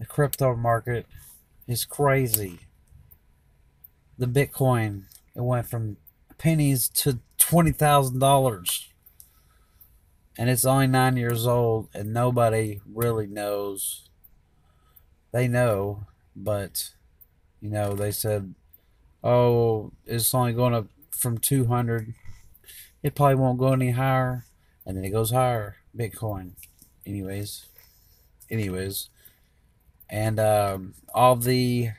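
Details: Aphasia with mild dysarthria in a man four years after a stroke. Afterwards he could not talk, understand or read words, and was mostly unable to speak for about two years. He still slurs sometimes and substitutes words.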